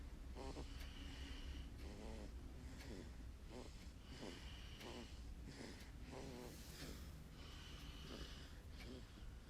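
Soft, regular snorting noises with each breath, about 12 per minute, over steady low background hum; noisy nasal breathing during sleep.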